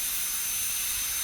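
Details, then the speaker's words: Steady high-pitched whine and hiss of a high-speed dental handpiece cutting a primary molar on a typodont model. The burr is placed almost straight on the mesial aspect for proximal reduction during a stainless steel crown preparation, with a feather-edge finish line. "So here I am going to use the football shaped burr for doing the occlusal reduction."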